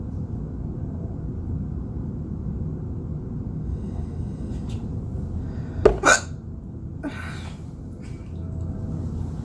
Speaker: I had the hiccup so bad. I'm filming it.